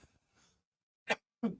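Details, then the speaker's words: An adult recovering from an illness, with a hoarse voice, gives two short, forceful coughs in quick succession after a brief pause. "Me perdoem, eu tô numa recuperação, por isso que minha voz tá meio ruim. Me desculpem pela tosse aqui,"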